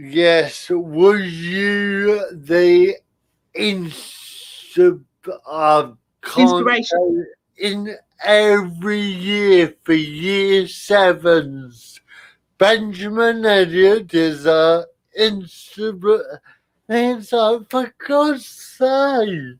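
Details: Adult male with spastic cerebral palsy attributed to lack of oxygen at birth, affecting limb control and speech; dysarthria (spastic cerebral palsy).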